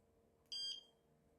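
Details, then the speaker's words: A single short, high-pitched electronic beep as the button turns on the charger of an Abbott spinal cord stimulator, implanted in a patient with CRPS. "So here's what we do. We take the button and we turn it on."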